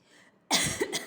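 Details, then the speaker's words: Simulated nursing role-play: patient born 1973 with a severe cough, sticky sputum and rhonchi/crackles in the upper lungs. After chest percussion and vibration in Fowler's position, a deep breath in and one forceful voluntary cough, taught as an effective cough technique. "咳のテクニックを教えてあげる。深呼吸をして咳をしながら強制的に息を吐き出す。"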